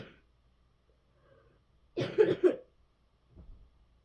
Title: Hard coughing in bed